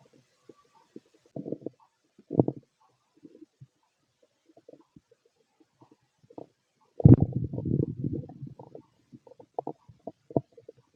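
Low gurgles and rumbles come in scattered bursts, with one longer rolling growl, from an adult's abdomen: ordinary bowel sounds of digestion.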